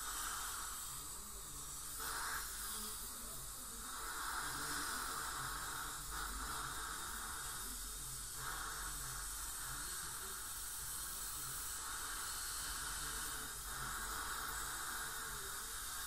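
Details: Professional teeth cleaning by a dental hygienist on a patient with heavy plaque and tartar, possibly gingival inflammation: steady hiss of water spray and suction with faint high whine; ultrasonic dental scaling.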